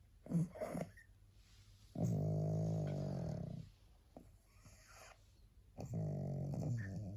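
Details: Tired pug, so sleepy she can hardly hold her head up, gives loud rattling snores with long drawn-out breaths and pauses between, in a quiet room; pug snoring.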